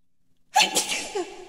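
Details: Single loud hissing sneeze with a short voiced trailing exhale, performed for comedy before work; the sneezer guesses pollen from flowers is the cause.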